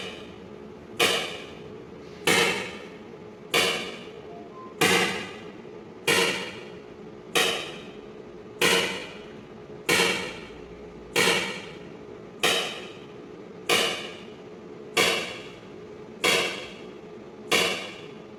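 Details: Extracorporeal shock wave lithotripsy (ESWL) of a left kidney stone focused by C-arm fluoroscopy, delivered through a fluid-filled membrane: loud, sharp, regular cracking shocks at about 47 per minute, sounding like something breaking.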